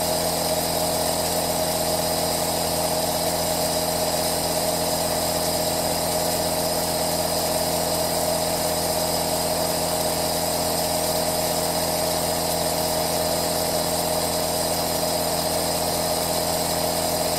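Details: Aerosol nebulizer running: a continuous steady mechanical hum.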